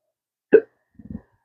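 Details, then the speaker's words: Man with chronic, long-lasting hiccups speaking about how they ended his acting and surgical-tech careers; a single sharp hiccup followed by a brief low catch of breath. "I've retired twice now, and I looked at it as always something for me to do in my retirement years, and now that's taken away. So I can't walk on a set, let alone work on set, hiccuping like this."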